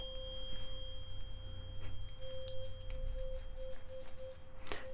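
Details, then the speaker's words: A 528 Hz tuning fork struck during a simulated cranial nerve exam roleplay before the Rinne and Weber tests: a steady, pure, high-pitched ringing tone over soft room noise with a few light taps. "so let's tune in Fork will resonate at 528 Hertz okay so all that means is it's got a very high pitched sound like so"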